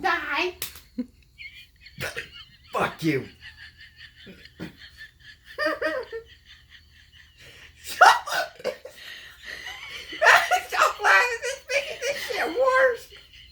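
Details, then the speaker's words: Son with severe hiccups ("biggest of my life") while playing a Nintendo game: repeated sharp, abrupt vocal catches at irregular intervals, with laughter and talk in the background; he says he can't breathe. "i'm over here trying to play my nintendo i have it's the biggest hiccups of my life and there you are [ __ ] recording me"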